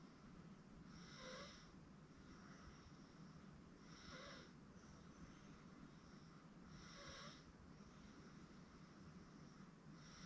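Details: Gentle, regular snoring, about 20 breaths a minute, from an 8-month-old girl sleeping on a futon, with steady background hum; harmless infant snoring.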